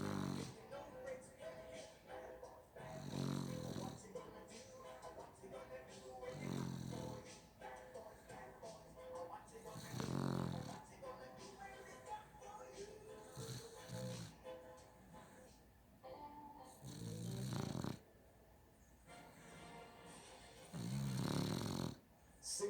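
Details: Snoring from a sleeping dog: loud, low rattling snores at about 8 breaths a minute, with music playing underneath.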